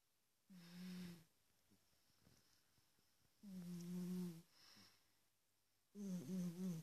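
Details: Big domestic cat snoring, recorded on a smartphone: three low, droning snores of about a second each, with quiet pauses between breaths.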